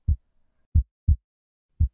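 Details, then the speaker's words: Clean low 'lub-dub' heartbeat at about 57 beats a minute: normal first (atrioventricular valve closure) and second (semilunar valve closure) heart sounds, S1 and S2. "[Music] hi everyone you probably know that your heartbeat is composed of two different sounds"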